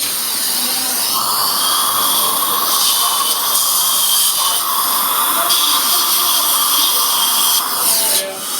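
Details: Steady high-pitched whine of a dental drill removing an old crown from a male patient's tooth before CEREC crown preparation, with small pitch changes as it touches the tooth.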